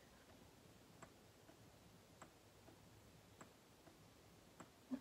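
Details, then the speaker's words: Spectra S2 electric breast pump, newly unboxed and assembled, running in let-down (pre-expression) mode before the expression button is pressed: faint, regular soft clicking about every 1.2 seconds over quiet room noise. "it's a light noise and that's just to get the breast ready to create a flow of milk"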